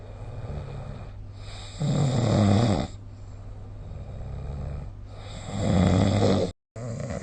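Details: Two rough, fluttering snores about four seconds apart over steady hiss, recorded on a phone with the SnoreLab snoring app; snoring during sleep.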